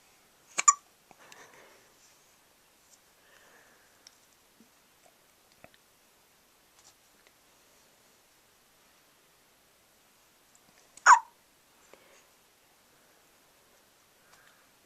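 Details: 3-day-old newborn having trouble sleeping on his first night home from hospital: two abrupt, sharp hiccups about ten seconds apart with near silence between; hiccups.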